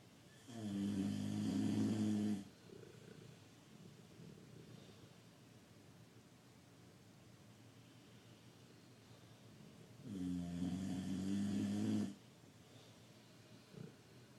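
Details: Rosco snoring while Mattie tolerates it and appears to sleep: two long, loud, rattling snores about eight seconds apart, quiet breathing between; snoring.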